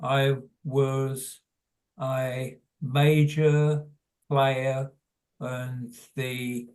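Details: Adult man with primary progressive aphasia; hesitant speech; finding: primary progressive aphasia.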